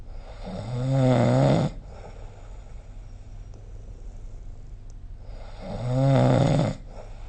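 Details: Two deep, rumbling inward snores about five seconds apart, with steady low background hiss between; snoring recorded with a snore-recording phone app.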